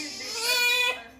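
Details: Newborn in hospital, delivered by caesarean section and later on an IV drip: a single rising, strained wail with a clear, high-pitched voice that tails off, ordinary newborn crying.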